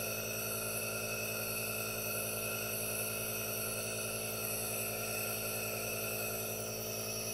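Steady hiss and hum of an aerosol nebulizer running without interruption.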